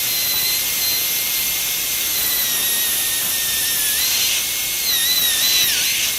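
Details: Steady high-pitched whine and hiss from a high-speed dental handpiece with a diamond bur, pitch dipping briefly while cutting; occlusal reduction and functional cusp bevel on a model mandibular molar for a full cast gold crown preparation.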